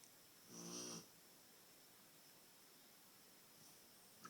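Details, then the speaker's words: Dog snoring, said to sometimes sound like a motorboat: a single rattling, buzzing snore on an in-breath, then quiet breathing in a still room. "My dog Lady sounds like a motorboat sometimes when she snores."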